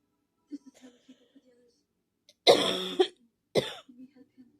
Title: a really bad coughing fit 😔